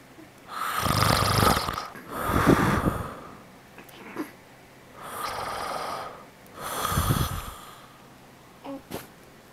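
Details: Father asleep, giving loud, rough, rattling snores on each breath in, separated by quieter breathing out; four snores heard.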